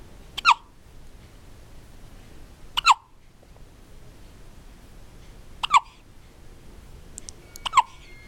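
Four abrupt, sharp hiccup sounds at uneven intervals, roughly 25 a minute, over quiet room noise: hiccups.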